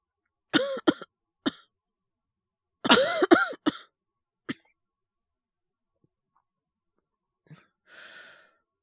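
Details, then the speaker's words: Simulated cough acted by a male voice actor playing a young man who caught a cold after napping in an unheated classroom and feels very cold: short cough bursts, a harsher cluster, then a sniff and sigh. "いや、マジで寒い。部長んとこ行かなきゃダメか。ダメだな。とりあえず、荷物持っていくか。やべ、マジ風邪ひいたかな。"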